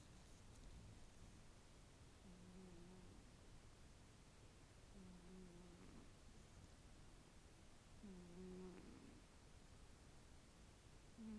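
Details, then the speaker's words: Pet cat Tiki snoring loudly, recorded on an iPhone. "You snore really loud, honey. You do."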